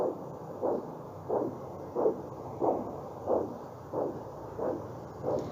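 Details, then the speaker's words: Maternal pulse picked up by a home fetal Doppler on a pregnant woman's abdomen: a weak, faint beat whose rhythm matches the mother's wrist pulse, distinct from the fetal heartbeat. "ini merupakan detak nadi healthys ya atau jantung ibu hamil atau jantung hati itu ini ya Nah ini biasanya memang terdeteksinya lemah ya kemudian bunyinya juga lemah"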